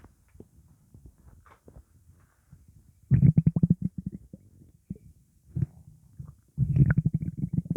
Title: Upset stomach rumbling